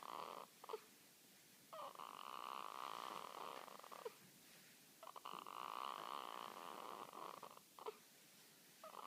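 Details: Newborn girl a few hours old snoring in her sleep: soft, rhythmic nasal snoring breaths in a quiet room, about 20 breaths a minute in drawn-out cycles.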